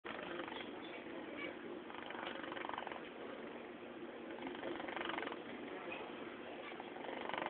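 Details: Sleeping Scottish Fold kitten: soft, steady fluttering breath noise rising and falling gently with each breath; light snoring.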